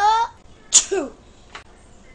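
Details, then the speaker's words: A voiced, rising build-up breath, then a sharp hissing burst with a falling vocal tail: an acted, exaggerated single sneeze. "I'm in 1911 I get a sneeze again ah king oh god I'm I mean normal normal world I'll try to not sneeze again No ah 20"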